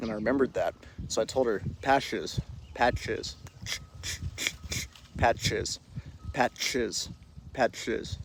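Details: Male speaker deliberately re-creating the childhood speech impediment he had until about age 14–15, pushing air out through the cheek outside the teeth instead of sh/ch sounds: lateral lisp (imitated).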